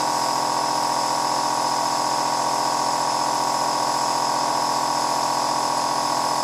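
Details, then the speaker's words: Nebuliser compressor switched on via front switch, with mouthpiece or face mask in place: steady, rapidly pulsing buzz running without a break, normal sound of a nebuliser in use. "you are then ready to turn on your Nebulizer with the switch on the front"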